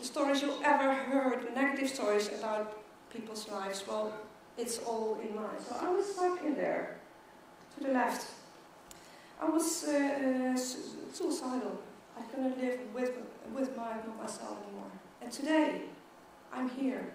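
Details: Stuttering in an adult woman who stutters, giving a keynote talk at a world congress for people who stutter.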